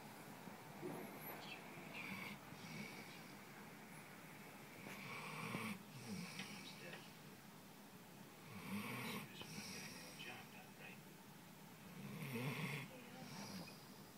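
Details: Snoring while another person tries to sleep: repeated rough, rasping breaths roughly every three to four seconds.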